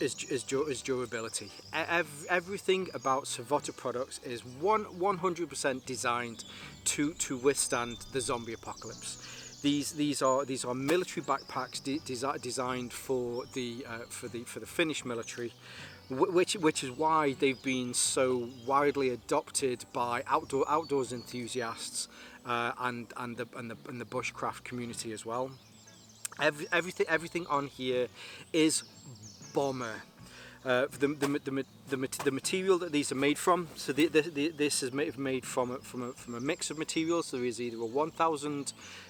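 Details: Adult male with a stammer he links to his anxiety, lingering but improving, helped by propranolol; stuttering.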